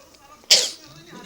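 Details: Mother's single sharp, explosive sneeze with a brief hissing tail in a quiet room; her baby seems afraid of the sneezing.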